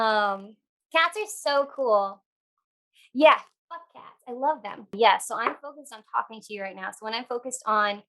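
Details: Vocal tics of Tourette syndrome in an adult woman: random phrase tics, sometimes with coprolalia, worsened by stress and by talking about tics.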